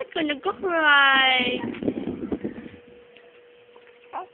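One short infant wail followed by fussing sounds and a steady background hum; ordinary crying.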